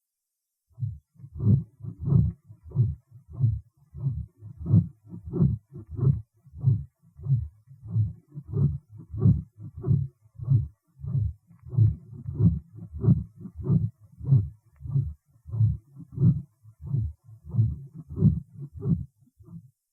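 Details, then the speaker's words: Coarse pericardial friction rub in a patient after mitral commissurotomy, recorded at the base of the xiphoid process, best heard during inspiration; scratchy sounds with each beat at about 92 per minute. "сейчас вы услышите грубой шум трения перикарда больного после операции митральной комиссар это не зарегистрированный основания мечевидного отростка где тут шоу лучше слышен во время вдоха"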